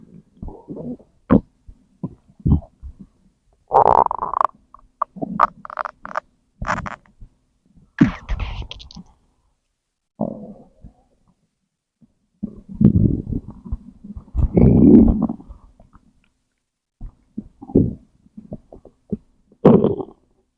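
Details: Irregular gurgling, rumbling and squeaking bursts with quiet gaps between them: ordinary stomach growling (borborygmi).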